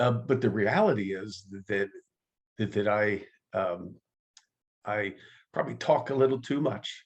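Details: Adult man who stutters, active in the stuttering support community for over 25 years; stuttering.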